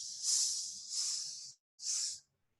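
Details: Even, plateau-shaped hissing bursts imitating the pansystolic murmur of mitral regurgitation, heard in the mitral area and radiating to the axilla.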